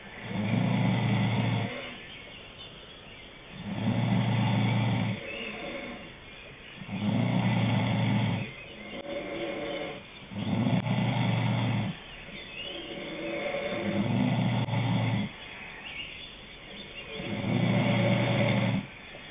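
Loud, regular rumbling snores on each breath in, about every three seconds, with quieter breaths out between them.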